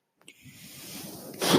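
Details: A soft valve click, then rising rushing airflow ending in a louder hiss: one breath cycle of the speaker's own mechanical ventilator, which he points out while talking in a podcast recording.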